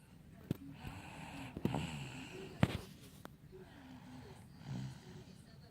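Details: Loud, noisy, rattly snoring with sharp nasal snorts from a baby girl who was tired and fell asleep after trick-or-treating.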